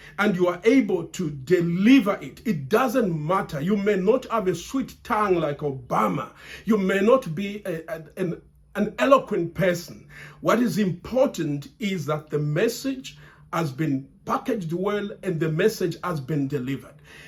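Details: Adult man who has stammered since childhood and still stammers under stress, stammering here because he feels under pressure; word repetitions; stuttering.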